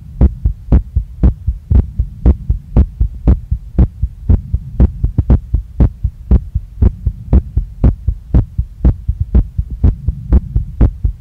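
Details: Very fast, strong, regular pounding heartbeat at about 118 beats a minute in a female after a workout. She feels it in her chest, neck, face and stomach, and her chest visibly moves with each beat. Sinus tachycardia.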